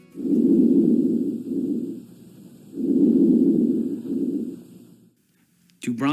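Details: Bronchial breath sounds on stethoscope auscultation of the thorax during a nursing health assessment, client breathing through the mouth.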